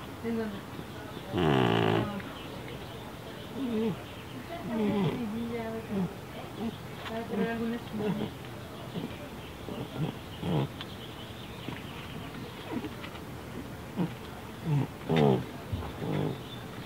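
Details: Awake deaf cat with neurological and breathing problems, snorting like a pig: loud, rough snorting breaths like a pig's grunt, from upper airway obstruction (stertor).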